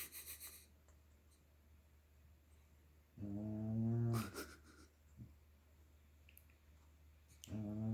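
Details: 6-month-old chocolate Labrador puppy snoring while sleeping: two loud, low, rattling breath sounds separated by quiet pauses.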